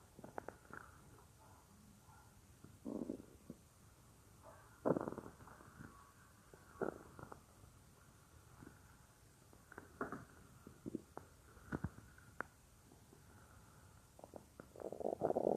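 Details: Real recording of a woman's own stomach, which she says sometimes gets loud, made for a roleplay: soft gurgles and rumbles with quiet stretches between; ordinary stomach growling (borborygmi).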